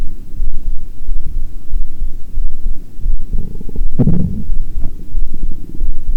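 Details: Steady low rumble with a brief gurgling, bubbling burst partway through: unintentional stomach growling (bowel sounds) picked up during a heartbeat recording.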